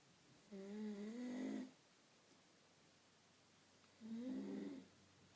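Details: Adult woman (a wife) asleep, recorded to prove she snores: two long, voiced, rumbling breaths with a pitched, tonal quality, separated by a quiet pause in a still room; snoring.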